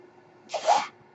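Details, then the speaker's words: A single short, airy whoosh of about half a second against quiet room noise: the podcaster's own mechanical ventilator cycling air. "That noise you're hearing is my ventilator"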